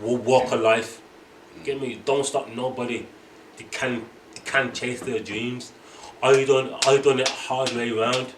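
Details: Adult male boxer who stutters, stutter worse when angry; stuttering.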